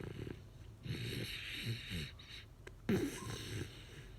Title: Snoring puppy!